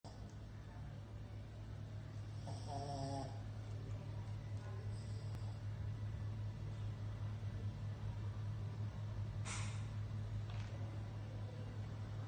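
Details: Pug snoring in sleep: a steady, low, rumbling snore over constant background hum, with a few brief snorts.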